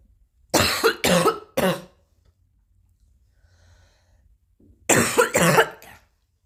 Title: and coughing again